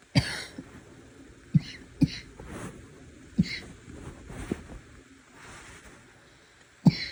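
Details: Barking cough after trying to suppress a cough: five sharp, harsh cough bursts with short breaths between, in a small room.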